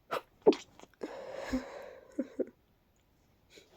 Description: I'm coming down with a cold, so my nose decided that would be a fun fit to have at night 🥲🫠... So congested and breathy, almost buildupy